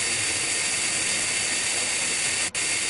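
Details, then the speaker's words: High-speed dental drill with 1 mm round bur held perpendicular to the occlusal plane, steady high-pitched hiss and whine with one brief break, establishing 1.5–2 mm cavity depth in a Class I amalgam preparation of a mandibular first molar. "first establishing depth of the cavity this is done by the use of a round bur 1 mm in diameter"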